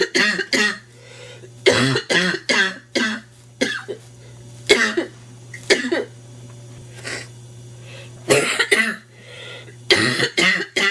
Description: sick and stuffy woman coughs relentlessly from a nasty cold.